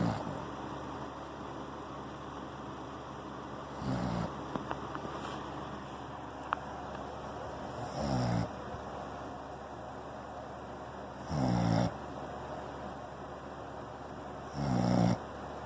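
Soft, low rumbling snores repeating at regular intervals, about four in fifteen seconds, over steady room hum; ordinary snoring.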